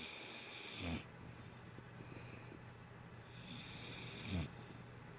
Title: Rome dog snoring